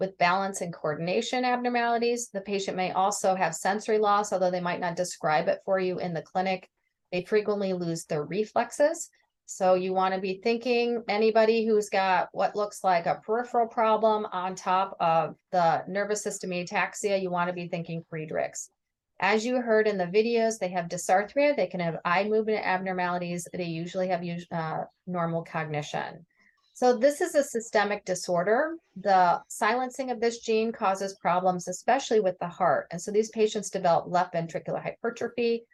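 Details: Adult woman lecturing; normal speech.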